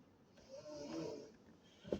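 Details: Loud snoring from someone sleeping nearby: a single loud, rattling, tone-tinged snore that swells and fades over one breath in a quiet room, followed by a brief click.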